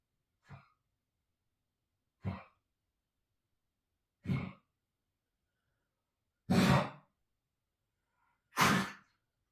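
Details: Five short, harsh coughs about two seconds apart from a pet animal (Mochi), growing louder toward the end, recorded for the vet: cough.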